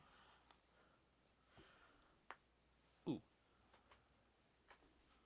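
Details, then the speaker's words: Quiet room with a few sharp clicks and one louder pop as an adult's knee cracks on movement: knee joint crepitus (popping). "hear that yeah I know everyone does my knee popping"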